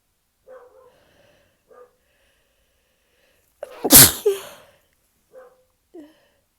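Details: Induced sneeze: a single loud, sharp sneeze burst with a short intake before it, among faint soft vocal sounds in a quiet room.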